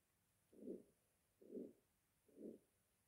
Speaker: next sound is ortix stenosis severe form